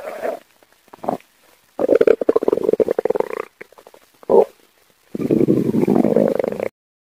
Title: tummy growl